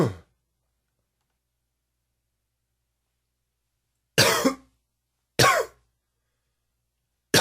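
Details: Allergy cough: three short, dry coughs separated by silence, the second and third with a slight whistling, wheezy edge.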